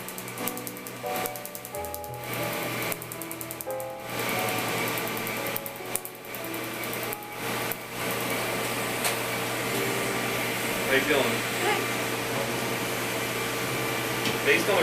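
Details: Rapid regular snapping pulses of a tattoo removal laser, about two per second, over a steady machine hum with background music, during a real-time treatment session; the patient reports pain and a metallic taste.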